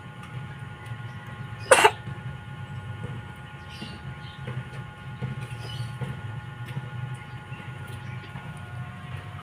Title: Ponky. Coughing 🤧 #cats